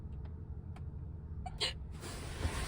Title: The case of the wild hiccups!